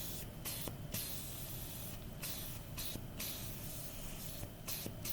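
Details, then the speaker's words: Tracheostomy suctioning demonstrated on a simulator for first-semester nursing students: steady suction hiss with brief interruptions as the sterile catheter, inserted about 5 inches, is withdrawn with a circular motion. "so you go 5 in in if you go too far your patient is going to be coughing coughing coughing all over you and then as you withdraw the catheter this is where you're going to kind of use a circular"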